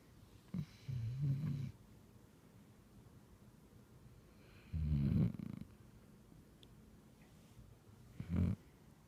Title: Snoring Doggy